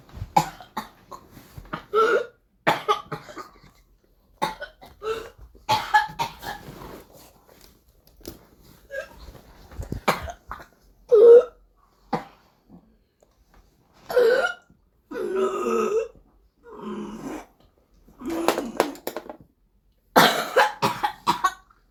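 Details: Whooping cough (pertussis) in a 12-year-old child: runs of rapid, closely spaced coughs followed by long, drawn-in, high-pitched whooping breaths.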